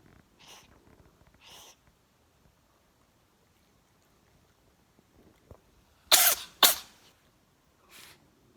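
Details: A cat sneezing: a few softer snuffles, then two sharp, hissing sneezes close together.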